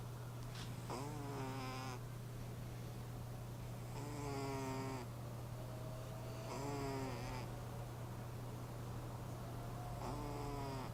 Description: Trying to wake up my snoring cat, Panther. She snores loud like my grandma.